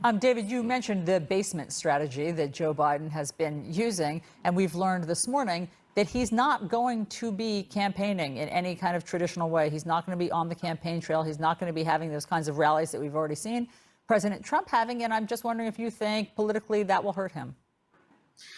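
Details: Adult female speaker; normal speech.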